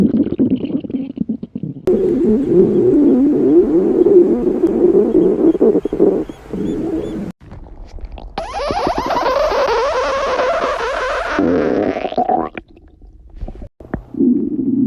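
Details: A girl's stomach growling: long low gurgling and rumbling, then a higher squeaky rising gurgle, ordinary bowel sounds from gas and fluid moving through the gut; borborygmi.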